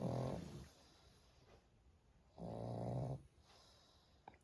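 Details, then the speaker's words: Pug lying asleep, with two loud, rough, low, rattling snores a couple of seconds apart and quiet breathing between; the owner asks if its snoring woke it. Snoring. "Tintin, Tintin, তুই নাক ডেকে যাচ্ছিস, ঘুমোচ্ছিস নাক ডেকে ডেকে? কি হলো? নাক ডাকতে ডাকতে ঘুম ভেঙে গেল?"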